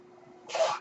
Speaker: That noise you're hearing is my ventilator.